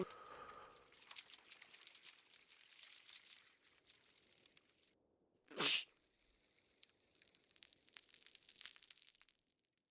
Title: Science, Allergy and Sneeze